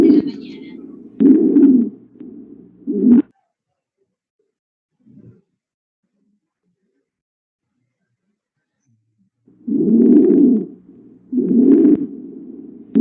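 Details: Stridor, a teaching example of abnormal breath sounds from a chest auscultation lecture.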